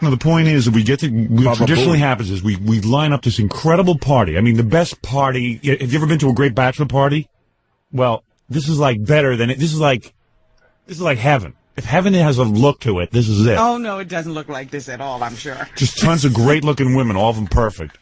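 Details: Adult male speaker, radio talk; ordinary conversational speech.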